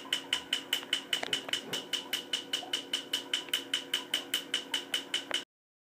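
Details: Laser tattoo removal: rapid, regular sharp snapping pulses at about 150 a minute over a steady hum, from the removal laser firing.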